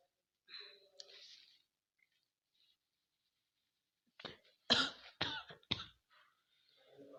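Short, sharp sneeze-like coughs in a quick cluster of about four, with faint clucking before, in chickens with a respiratory infection.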